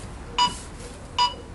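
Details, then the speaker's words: Training automated external defibrillator (AED) used on a CPR manikin: two evenly spaced electronic metronome beeps pacing chest compressions, starting slowly and building to the correct rate, with 30 compressions to 2 breaths. "qu'on attaque il y a le métronome le bip qui met en route donc on suit il va doucement et petit à petit pour directement bon rythme"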